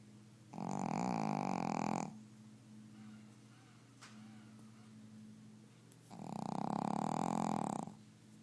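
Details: Sleeping dog snoring: two long, loud, rumbling snores a few seconds apart with quieter breathing between them; ordinary snoring.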